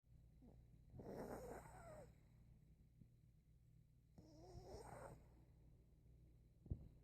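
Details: Sleeping pet dog: two soft, whistly, rattling snores about three seconds apart over faint room hum; snoring.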